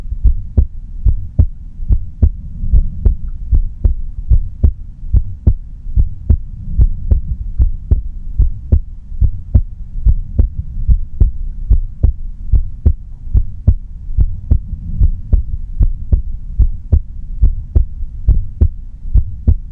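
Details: Grandmother's normal heartbeat, no talking: steady, regular, clear thumps at about 73 beats a minute over a low hum.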